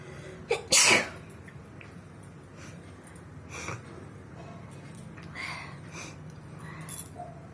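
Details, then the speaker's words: Sneeze during a sneezing challenge with the nose tickling and eyes watering: one loud, explosive sneeze followed by quiet sniffing and rustling of tissue paper. "বন্ধুরা দেখতেই পাচ্ছ কত হ্যাচিও হয়ে গেল আজকে। দেখি আর একটু, আর কটা হ্যাচিও হয় আমার।"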